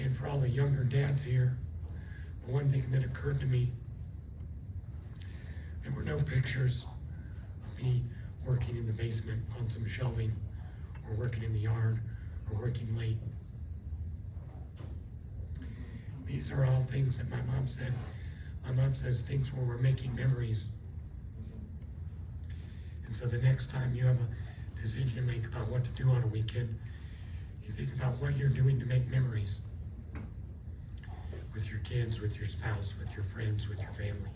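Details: Adult man after left cerebellar stroke from a neck artery dissection, with left vocal cord paralysis; the cords do not seal, so he takes breaths and cannot speak long. He also lost swallowing. Dysphonia from unilateral vocal cord paralysis.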